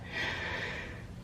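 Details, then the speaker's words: Pregnant woman with post-nasal drip and shortness of breath from organs pushed up: one heavy, noisy breath with a rough airy rush, congested, laboured breathing. "I'm sorry I'm so congested. This whole like post-nasal drip thing is intense."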